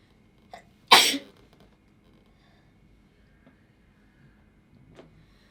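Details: A woman sneezing while applying makeup: a short intake of breath, then one forceful, explosive sneeze, then quiet with a faint later sound. Sneeze.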